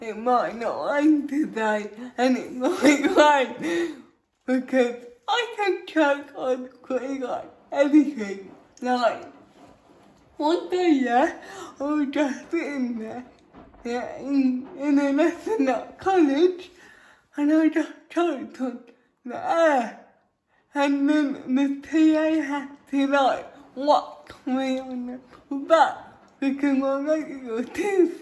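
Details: Female speaker with cerebral palsy, talking while feeding herself with a Neater Eater eating aid; dysarthria (cerebral palsy), inferred from her condition rather than stated.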